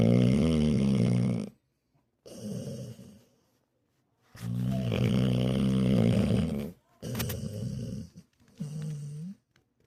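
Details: Male sleeper snoring heavily: loud, deep, rattling snores with a buzzing quality, separated by short silent gaps, with background music.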